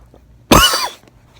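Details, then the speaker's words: Single loud, harsh cough in a quiet room from a young person sick for about a week and a half with a persistent cough not relieved by medicine, cause unknown. "Like I just keep coughing, and I like take medicine, and I like still like fucking like keep coughing, so I just like don't even know what's wrong with me."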